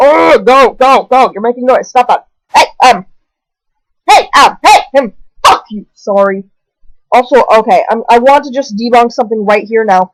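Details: Vocal tics with coprolalia in a speaker with newly diagnosed Tourette syndrome.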